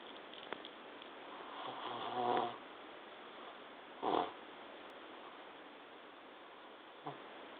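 Quiet room with a few irregular, soft rattling snores during sleep breaths; ordinary snoring.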